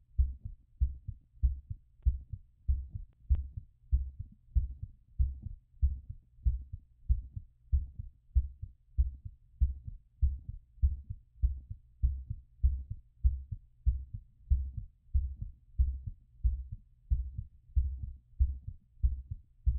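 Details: Stethoscope auscultation of normal heart sounds during post-exercise recovery: steady, strong heartbeats at about 95 a minute, a normal quickened rate after exercise.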